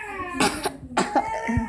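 Two short acted coughs from a child, covered by the hand; a demonstration of covering a cough.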